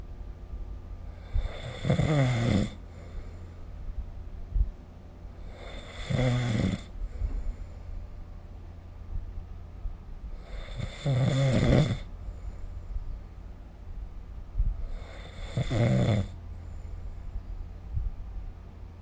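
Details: Four loud, rough, rattling breaths in about 19 seconds, roughly 14 a minute, over low room hum, recorded with the SnoreLab phone app: snoring during sleep.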